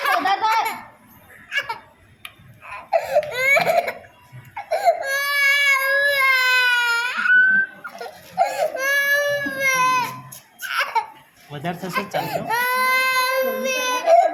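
Loud, sustained wails from a baby girl in repeated bouts, with adults talking softly between cries; a typical pain cry during a blood draw.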